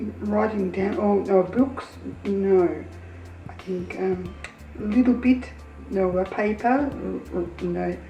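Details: Person living with aphasia speaking in conversation, with fluent but hard-to-follow speech; aphasia.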